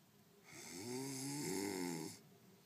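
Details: A person sleeping gives one drawn-out snore with a low, fluttering, buzzy vibration lasting over a second: snoring.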